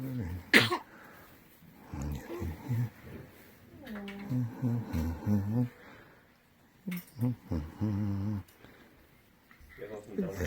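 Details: Newborn girl almost 8 hours old gives a single sharp, brief sneeze, followed by soft voices in a small room; newborn sneeze.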